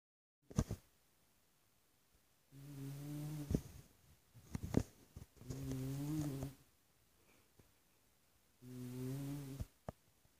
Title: My Snoring Uncle